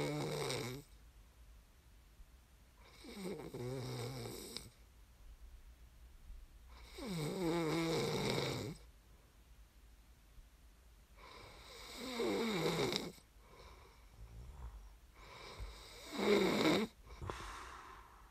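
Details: Snoring recording made as sleep ASMR: deep, rattling snores about every four seconds, roughly 15 per minute, with quiet pauses between; ordinary sleep snoring.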